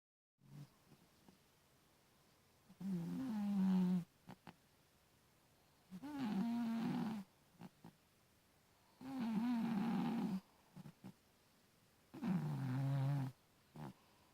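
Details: Loud, low, rumbling snores from a sleeping cat on each in-breath, about four in 14 seconds, separated by quiet pauses.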